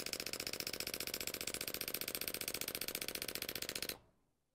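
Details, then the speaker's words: Rapid, regular loud clicking pulses, about 220 per minute, from a shockwave therapy device applied with ultrasound gel to a woman's plantar fascia on the sole of her foot, stopping after about 1000 shocks; shockwave therapy pulses. "so okay so with a common treatment this will deliver anywhere from a thousand to twenty five hundred impulses of these shock Waves per treatment"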